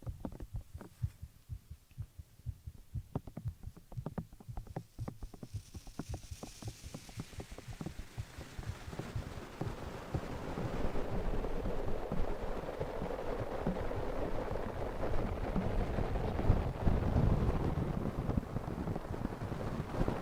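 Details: Heartbeat of a sleeping adult man: soft, muffled thumps heard through the chest, later partly covered by rustling and low noise.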